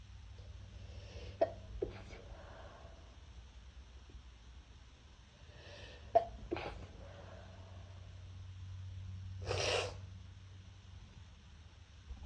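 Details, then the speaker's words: Several stifled, muffled sneezes in a quiet room, deliberately muffled so neighbours won't hear, the last a fuller burst of air; stifled sneezing. "I'm trying really hard to muffle them so my neighbors don't hear. This is really hard."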